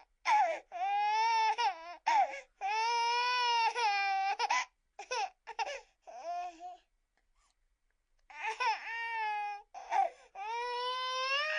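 High-pitched, wailing baby cry in repeated bursts with brief breath pauses and one longer gap; sound-effect recording of infant crying.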